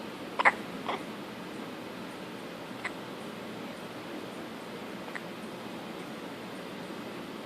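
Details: Newborn girl born 4 weeks early, recorded just after birth: a few soft, sharp hiccup catches spaced seconds apart over steady background hiss; newborn hiccups.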